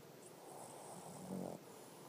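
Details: A short, low, rumbling snore rising to a snorting peak before fading, from a female Boston Terrier napping; snoring.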